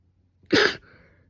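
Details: Single short explosive sneeze, part of a sneezing fit the previous day during an illness with fever; the person now has a sore throat from coughing and sneezing.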